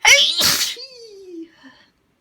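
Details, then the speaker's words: Person repeatedly saying they are about to sneeze: a voiced in-breath, then one loud sneeze with a trailing voiced sound. "Gonna sneeze. Gonna sneeze. I'm gonna sneeze. Gonna sneeze. Gonna sneeze."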